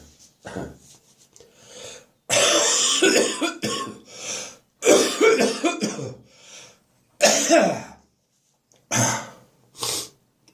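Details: An adult with a spring cold gives a run of deep, wet coughs with throat clearing, the cough settled deep in the chest: wet productive cough.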